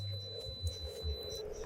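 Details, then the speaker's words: Simulated tinnitus: a steady, thin, high-pitched ringing tone over low background music, illustrating the buzzing or ringing some people hear in their ears without any external sound. "setiap orang pernah mengalami sensasi mendengar bunyi ini di telinga mereka sebagian merasa bunyinya berupa berdengung atau berdenging dan ini adalah salah satu contoh bunyi tinnitus"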